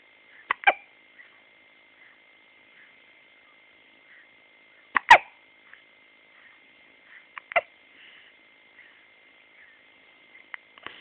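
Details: Recorded on an Android phone: short, sharp, irregular hiccup bursts, about five in eleven seconds, against a quiet background: hiccups.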